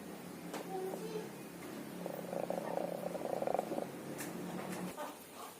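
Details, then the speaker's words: Sick chicken with respiratory snoring (ngorok), day two of treatment with Tetra chlore capsules in drinking water: a rapid, fluttering rattle of a few seconds over room noise; still snoring. "Cek di hari yang kedua ya guys. Coba masih ngorok apa enggak. Masih ngorok ternyata."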